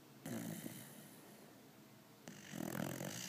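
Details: A sleeping pitbull snoring very loudly, with two loud, rough, low snorting breaths and faint room noise between them.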